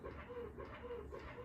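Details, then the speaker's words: Medela electric breast pump running, switched to the faster speed to get milk let-down before changing mode; soft rhythmic whirring suction pulses about two per second. "I turn it on when I turn it on to this faster speed to get the UM the milk down once the milk is down you can change the mood I don't know if you can hear my pump right now"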